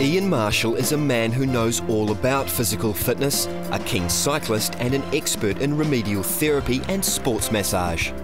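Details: Adult male narrator; normal speech.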